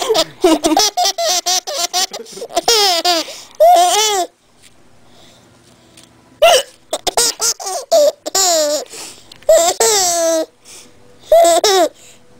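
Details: 10-month-old infant boy laughing at his mother's hiccups: bursts of high-pitched laughter with short, sharp catches between them; hiccups.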